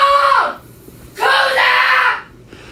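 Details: Vocal tic (screaming outburst) at night in an 18-year-old male with severe Tourette syndrome, recorded before deep brain stimulation surgery; tics also included hitting himself in the face.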